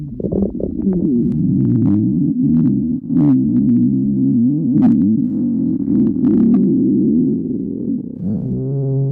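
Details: A person's stomach growling on request: continuous low, wavering, tonal rumble with shifting pitch and bubbly gurgles; stomach growling (borborygmi).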